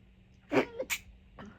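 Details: Tickly sneeze: a sharp, explosive burst of air with a quick second puff, typical of a small sneeze.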